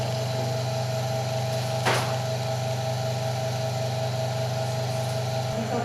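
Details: Nursing demonstration of the suction procedure for infants and children, with the catheter inserted via the mouth: steady low motor hum with a faint whine from the running suction machine, and a brief knock partway through.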